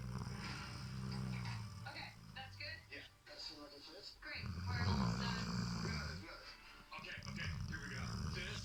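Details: Snoring from a sleeping rescue dog adopted six months ago: rough, low snoring on repeated breaths, with television sound in the background.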